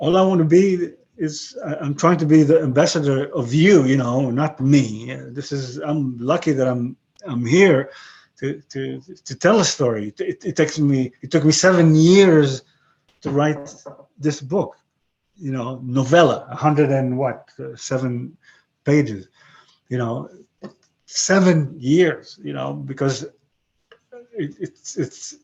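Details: 62-year-old man with aphasia after a stroke about 11 years earlier; he lost his other languages but kept broken English and Hebrew; aphasia.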